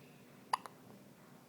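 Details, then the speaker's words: Baby, wide awake, with a brief sharp hiccup followed by a smaller catch in a quiet room; infant hiccups that don't seem to bother her. "How those hiccups treating you? Pretty annoying. You're wide awake."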